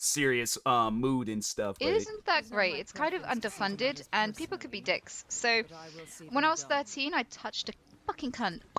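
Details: Woman streamer with Tourette syndrome producing repeated involuntary vocal tics, including coprolalia and a recurring word tic: Tourette syndrome vocal tics (coprolalia).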